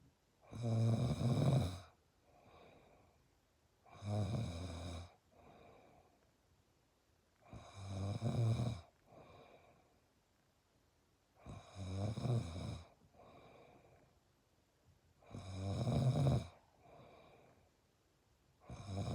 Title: Piggy’s snore